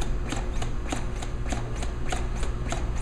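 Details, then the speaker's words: Steady mechanical thumping from a LUCAS 2 automated CPR device compressing a manikin's chest at about 100 per minute; the plunger sits at the base of the sternum, 1.5–2 inch compressions in cycles of 30, pausing for two ventilations. "great thing about this machine is that the compressions are always 1 and 1/2 to 2 in deep and they're perfect every time"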